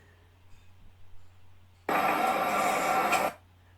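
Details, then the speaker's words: Sudden dense crackling burst from an EMG speaker during needle electromyography of intrinsic laryngeal muscles in a dog or cat investigated for laryngeal paralysis: prolonged insertional activity and denervation potentials, confirming denervated muscle. "So that noise you can hear is prolonged insertional activity and denervation potentials, which you can see here, characteristic of denervation."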